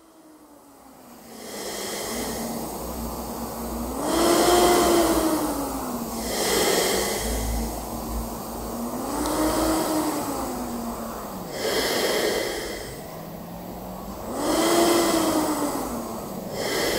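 Steady machine hum that swells and rises in pitch with each slow breath, about four breaths a minute, typical of a CPAP machine running.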